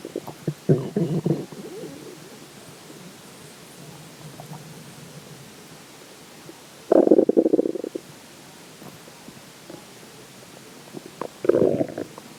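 Three separate low, bubbling rumbles with quiet gaps between them: ordinary gurgling bowel sounds after drinking water.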